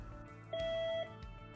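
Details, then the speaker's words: Electrosurgical generator (ForceTriad) REM return-electrode alarm during preventative maintenance testing with a QA-ES III analyzer, resistance lowered in 1-ohm steps from 10 ohms: single steady half-second electronic tone over low machine hum. "repeat for 10 ohms and then decrease the resistance in 1 ohm increments until the REM alarm sounds"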